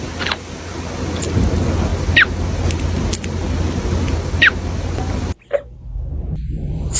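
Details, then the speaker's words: Kitten with the hiccups: hiccups. "Sound on for kitten hiccups. Look at me. You have the hiccups."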